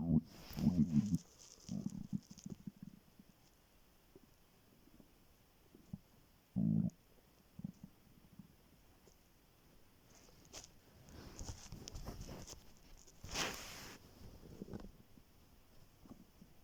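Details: Very hungry student's empty stomach recorded on waking in the morning, before skipping breakfast: bursts of gurgling, bubbling rumbles separated by quiet stretches. Normal hunger stomach growling (borborygmi).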